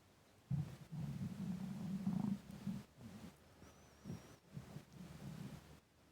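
Low gurgling, growling rumbles coming in irregular bursts; stomach rumbling from hunger.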